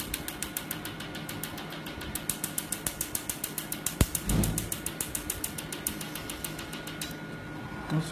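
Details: Rapid run of sharp, regular snapping clicks from a picosecond Nd:YAG laser firing during tattoo removal on a patient with deep ink, with room noise.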